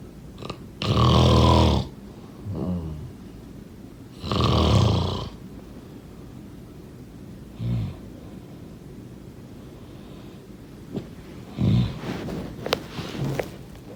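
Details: Snoring during sleep: loud, rattling snores on breathing in, with softer breaths between, at an uneven rhythm.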